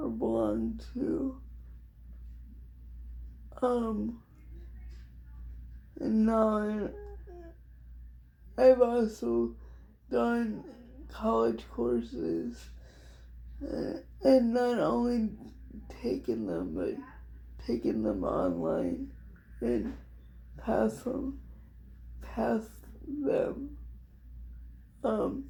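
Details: Adult woman with cerebral palsy diagnosed at 6 months, she thinks level 4 or 5, affecting all parts of her body including speech somewhat and hands, plus dystonia; dysarthria in cerebral palsy.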